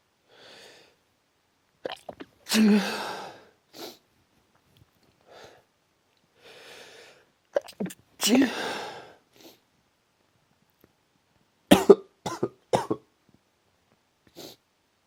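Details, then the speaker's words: Several forceful sneezes with brief breaths and soft voice between them; a bout of repeated strong sneezing the person says they cannot stop. "Can't stop. Fuck. Wish I could stop. So strong."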